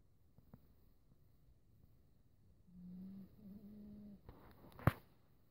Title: Momo &Timothy - who snores?